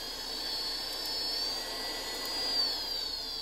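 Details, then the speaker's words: Low-cost open-source ventilator-like device starting in low-pressure CPAP mode: steady high-pitched blower whine blowing air continuously, pitch shifting slightly as the toggle switch changes the speed level; CPAP blower running. "it starts off in a low pressure level CPAP mode so it's blowing continuously right now with the air pressure and this will push air into your lungs"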